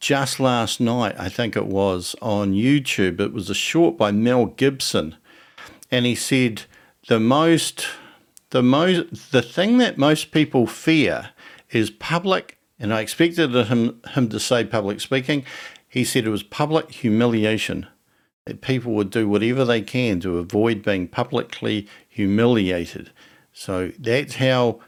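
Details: Adult man who stutters; stuttering.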